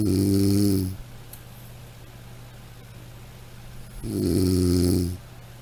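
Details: Snoring from a sound-effect recording: two deep, buzzing snores separated by a few seconds of quiet breathing.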